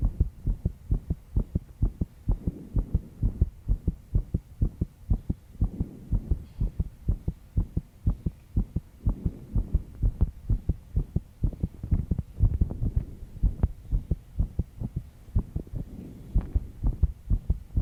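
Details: Heartbeat of a 22-year-old female, stressed after pulling an all-nighter. Steady, brisk, deep lub-dub thumps with a low background hum: heartbeat under stress.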